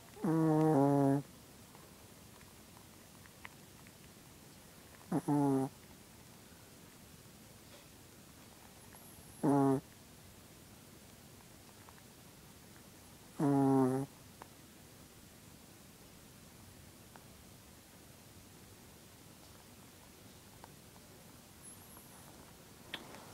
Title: My cute dog snoring